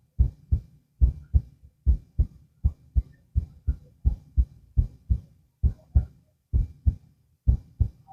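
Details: Heart auscultation lying down: steady paired lub-dub beats at about 74 a minute over a quiet background; normal first and second heart sounds with no added sounds.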